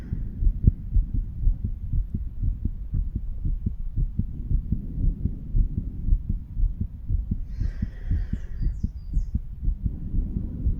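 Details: 35-year-old male auscultating a chest with a stethoscope over mitral, tricuspid, pulmonary and aortic areas; steady low thumps, about 118 a minute; normal heart sounds.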